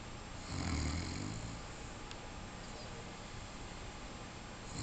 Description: Bubba sure does snore!